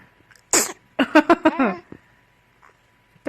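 A single short, high-pitched infant sneeze, then brief soft baby vocal sounds; an ordinary harmless sneeze.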